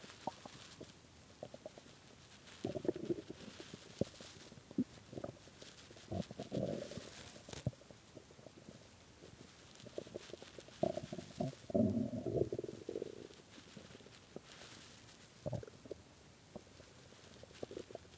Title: really hungry stomach growling from skipping lunch and dinner and started growling bad at 3:am